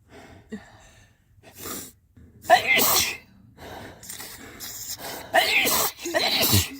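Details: Person sneezing in a car: a run of several loud, explosive, violent messy sneezes in quick succession, each a sharp burst of air, in an otherwise quiet space.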